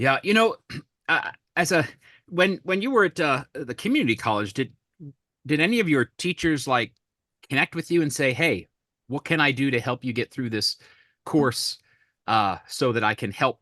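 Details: Adult male speaker; normal speech.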